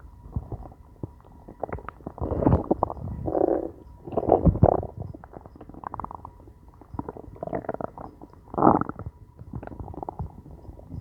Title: Hungry stomach growling